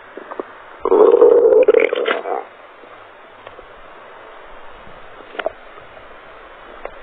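A loud, gurgling stomach growl lasting over a second, followed by quiet hiss and faint clicks.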